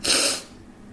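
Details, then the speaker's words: Adult recording a podcast who has been sneezing repeatedly: one sudden, hissing burst of air lasting under half a second; sneeze. "sorry I sneezed million times I'll try and edit this out"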